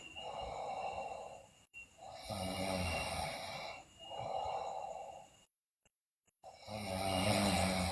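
Loud, regular snoring from a sleeping child, with rough breath-long snores and a short silent gap.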